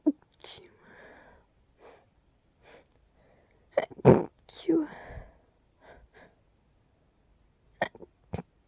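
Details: Nighttime sneezing from an itchy nasal tickle: several short sharp sneeze bursts with soft breathy sounds between, then two quick sneezes near the end.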